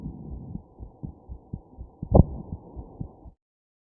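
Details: Fetal heartbeat recording: rapid muffled heartbeat with one louder, sharper jolt partway through, consistent with a fetal hiccup.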